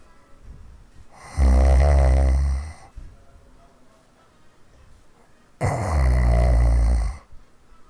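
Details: Heavy snoring recorded in 2015: two long, loud, rattling snores on the in-breath with quiet pauses between.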